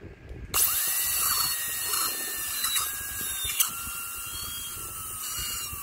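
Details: High-pitched dental high-speed handpiece with a round bur starts and whines steadily, pitch dipping as it cuts; MOD Class II cavity preparation on a mandibular left first molar (tooth 19) in a phantom-head practice model.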